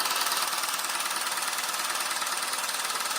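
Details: Steady rapid mechanical tapping, about 140 pulses a minute, from a handheld at-home low-intensity shockwave therapy device. It is run in rounds on the sides as a treatment for erectile dysfunction. Shockwave therapy device operating.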